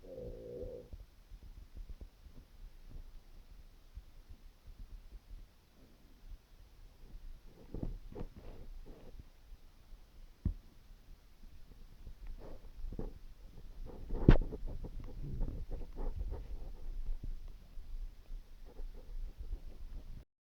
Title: hungry stomach rumbling with water